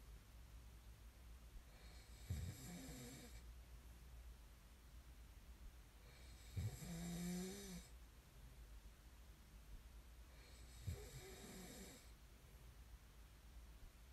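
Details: Three rumbling snores on the in-breath roughly every four seconds, with quiet room noise between; ordinary snoring during sleep, from an ASMR snoring recording.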